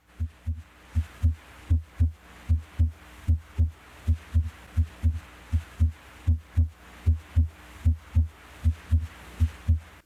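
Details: Normal heart sounds (S1 and S2).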